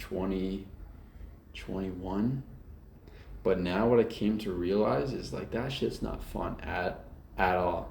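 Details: Adult man who stutters, speaking openly without hiding it; stuttering.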